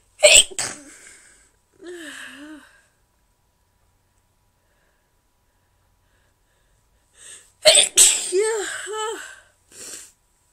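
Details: Morning sneezing: two bouts of forceful sneezes, each a sharp burst with a voiced tail, separated by quiet; ordinary sneezing; sneezer reports it hurts the throat.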